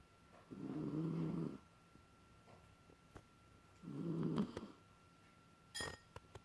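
Two soft, low rumbling snores about three seconds apart in a quiet room: a small dog snoring during sleep.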